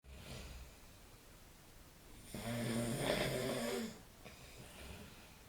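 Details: Real snoring of a man (friend) asleep at night: one loud, rattling inhaled snore of about 1.5 seconds between quieter breaths; snoring.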